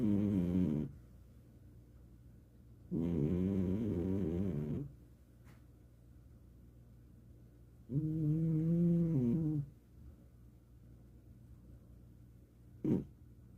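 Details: Elderly sleeping cat snoring: slow, low rumbling snores on inhalation, a few seconds apart, about 12 a minute.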